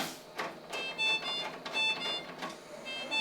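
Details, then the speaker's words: G5 ventilator check on a test lung at 50% oxygen: oxygen supply disconnected during ventilation, giving repeating high electronic alarm tones over the cycling hiss and a visual alarm; oxygen supply failure alarm. "alors je peux voir ici, j'ai une alarme visuelle et une alarme de défaut d'alimentation d'oxygène."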